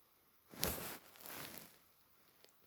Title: My Stomach Growling at Night